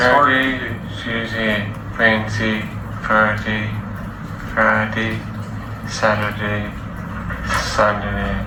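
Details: Man with moderate Broca's aphasia, comprehension preserved, naming the days of the week during an assessment; Broca's aphasia.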